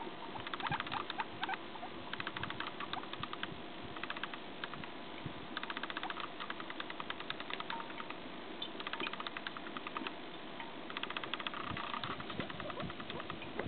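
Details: Guinea pig chattering its teeth in bursts of rapid, sharp clicking, a warning or fear signal; possibly the most timid one. Teeth chattering.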